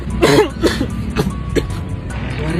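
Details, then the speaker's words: Several short, weak coughs and throat-clearing from a child, with steady background noise; a mild cough, which the adult links to eating ice and encourages the child to cough. "Batuk aja ayo, biar tenggorokan kamu jadi enak. Tenggorokan jadi enak loh."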